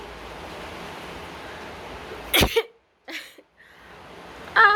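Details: A single sharp, explosive sneeze from an African woman, rising out of steady background hiss with a short follow-on sound; sneezing.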